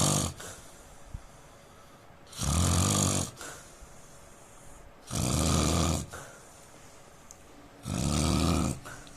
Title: Indian man snoring sound